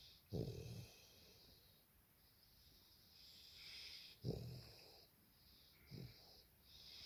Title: Bobby the little boxer puppy having a lovely snore on the sofa!